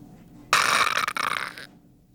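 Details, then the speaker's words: A single harsh, snoring gasp that breaks briefly and then stops, demonstrating agonal breathing in CPR and first-aid training: an irregular gasp in cardiac arrest that is not real breathing and should not delay CPR. "individuals in Cardiac Arrest do not breathe however some may gasp irregularly this may seem like the patient is breathing these are called agonal breaths agonal breaths sound something like this"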